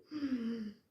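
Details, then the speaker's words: Brief vocal imitation of asthmatic wheezing, a single strained whistling breath, illustrating the sound heard from outside when inflamed, narrowed, mucus-filled airways make breathing in and out difficult in asthma. "तो इसकी वजह से हमें सांस लेने में और छोड़ने में दिक्कत होने लगती है और एक साउंड, एक आवाज़ आने लगती है जो बाहर से ही सुनाई देती है। एक व्हीजिंग साउंड्स होती है इस प्रकार"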